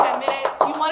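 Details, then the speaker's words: Demonstration of postural drainage with cupped-hand chest percussion, patient lying on the left side targeting the anterior lower lobe, for 5–10 minutes. Loud, hollow claps from air trapped under the hand, to loosen airway secretions. "to be loud you want to be able to hear like that cuz it's air getting trapped underneath my hand"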